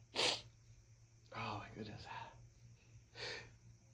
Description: Sneezing and blowing my nose from fall allergies.